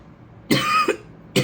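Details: One harsh cough with a short follow-on burst, then the start of another, from an adult woman who is ill and coughing while speaking.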